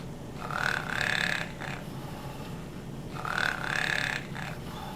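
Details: Simulated snoring from a mechanical plush toy bear (about 15 inches): two slow, rhythmic snore-like rumbles with whistling tone at nap time; imitation of snoring.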